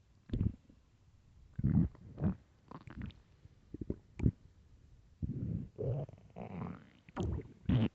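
Low gurgling rumbles and groans come in irregular bursts with quiet gaps: ordinary stomach growling from hunger.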